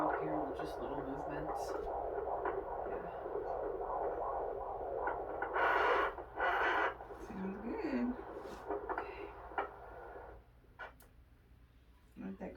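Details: Rapid rhythmic whooshing from a Doppler probe during labour, broken by loud scraping bursts, probably probe or fetal movement; attendants think the baseline is a little higher than before: fetal heart tones.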